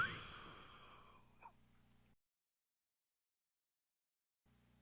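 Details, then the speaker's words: Huff cough demonstration for clearing mucus, e.g. in COPD: seated upright, throat kept open, breath forced out with the abdominals as a single forceful, breathy exhalation like a whispered 'who'. "During this explosive exhalation, make a sound as if you were saying who. This will give you an effective way to optimize airways to move mucus. It sounds like this."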